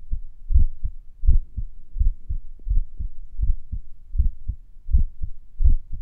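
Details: Own heartbeat recorded during recovery a few minutes after morning exercises: low thumping beats, roughly 85 a minute, with varying pauses between beats, consistent with sinus arrhythmia.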